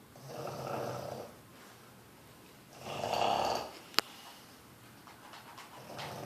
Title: my pug snores really loud